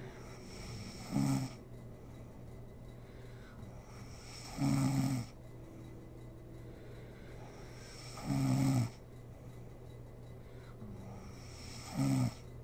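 Four regular rattling snores, about 16 breaths a minute, separated by quiet exhalations over a low background hum.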